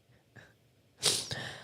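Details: A faint breath in, a short pause, then one sudden, forceful, hissing burst of air that trails off: a single sneeze from an adult sick about a week, stuffy and raspy.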